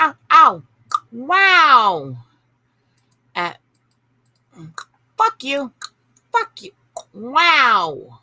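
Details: Adult woman with Tourette syndrome whose tics include involuntary words and swearing, with repeated 'ow', 'wow' and swear-word outbursts: vocal tics with coprolalia (Tourette syndrome).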